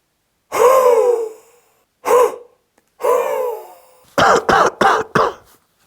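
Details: Huff cough demonstrated as an airway-clearance technique after thoracic expansion deep-breathing exercises: forced open-mouth exhalations then a run of four short coughs to shift excess mucus from the lungs and airways.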